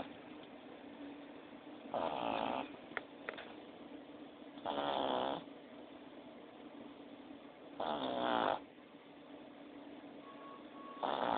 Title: Cartman Snores